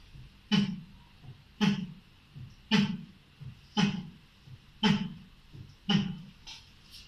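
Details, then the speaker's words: Vocal imitation, not a real recording, of heart sounds at the pulmonary area, about 56 a minute, with a loud sharp beat, illustrating pulmonary hypertension (loud P2). "الدبل اورتيك، اورتيك ريجيج ويز فانكشنال ستينوزس، البلمونري بدور على البلمونري هايبرتنشن."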